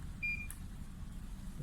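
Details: TOP 2300 infusion pump pressed on with the on/off key: a single short electronic beep at switch-on over low room hum, the normal power-on tone before its self check.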